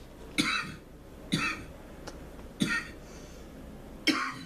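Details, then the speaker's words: Four short, dry coughs about one second apart over faint hiss, a repeated irritant cough after inhaling smoke from burning herb in a cup, done as a ritual healing cough to clear mucus. "coughing shapes the earth which is the physical like a knife carving a statue"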